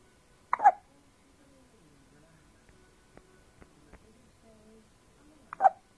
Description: my son hiccups while sleeping on my lap.